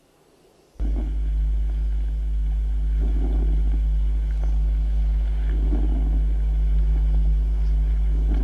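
Very faint, soft breath cycles barely rise above a steady low hum: diminished vesicular breath sounds.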